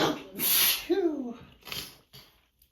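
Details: Seasonal-allergy sneezing in a tired person over a morning: one sharp, forceful sneeze with a voiced ending, then a few softer breathy bursts.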